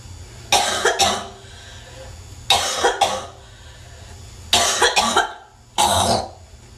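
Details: Adult woman, possibly a smoker (unconfirmed), in a cough attack: four loud, harsh, congested cough bursts, some doubled; wet, productive cough.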